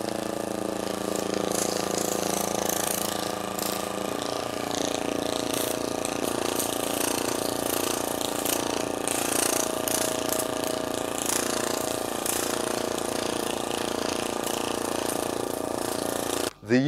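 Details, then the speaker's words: Shockwave therapy with a vector applicator worked directly along the spinal column for spinal hernia, protrusion or osteochondrosis, with a different degree of impact; continuous rapid mechanical pulsing with steady humming. "the final crucial stage is that using the versatile vector applicator we can now work directly and precisely along the spinal column as well."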